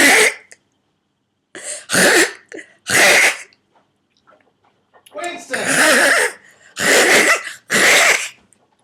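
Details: Repeated harsh, forceful involuntary throat-clearing bursts in clusters in an adult recovering from whooping cough at week 5, day 6; the adult attributes them to swollen, tight vocal cords.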